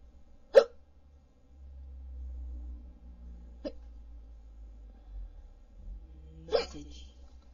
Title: Hiccups(audio only the rufus again file)